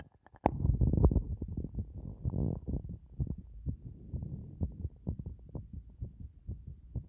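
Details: Normal heart sounds recorded at various positions through a stethoscope: muffled low thumping beats, partly masked by rubbing and handling noise.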